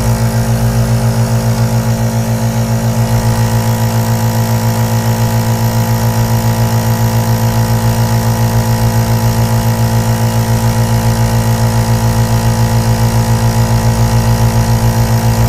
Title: ASMR AEROSOL NEBULIZER SOUNDS 💦 BEST 3D WHITE NOISE for Relaxation | Sleep | Meditation